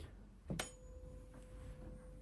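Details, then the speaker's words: Rinne test in an ear examination OSCE demonstration: a tuning fork is struck, giving a faint steady pure tone, placed behind the ear and then in front. The patient still hears it, so air conduction exceeds bone conduction (Rinne positive). "tell me when it stops stop can you still hear yes okay so it means air conduction is more than bone conduction"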